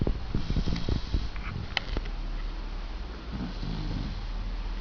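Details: Sleeping Labrador puppy in a room making soft, irregular low snuffling and rumbling breath noises over steady room hum; light snoring.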